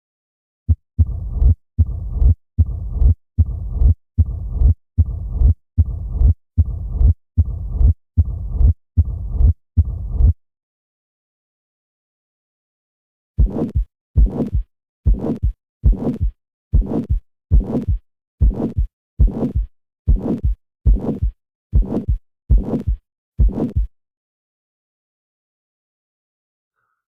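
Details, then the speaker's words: Three example heart murmurs of differing pitch, regular beats near 75 a minute with whooshing murmurs, first lower-pitched, then higher and harsh like a typical aortic stenosis murmur. "take a listen to three examples of different pitches paying particular attention to the harshness of a typical aortic stenosis murmur"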